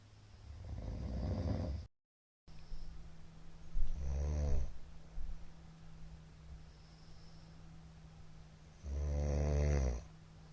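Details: Middle-aged man snoring during sleep, recorded 13 March 2022, described as very loud: deep, rattling snores on the in-breath, a few seconds apart, over a steady hum.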